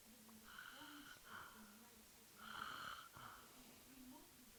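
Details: Female sleeping during a Sunday nap: soft, whistling snores with a steady tone against room hiss; quiet snoring.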